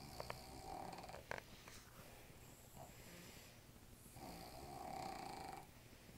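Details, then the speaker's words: Sleeping pet dog snoring, said to snore when petted and to sound like a sleeping man: drawn-out nasal snoring breaths with room noise; ordinary snoring. "No, nobody's gonna believe that that's the dog snoring and not you."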